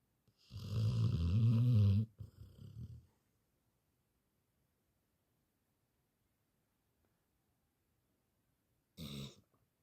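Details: Labrador dog snoring during the daytime: loud, deep, rumbling snores, one long snore with a short follow-on, silence, then another snore starting near the end.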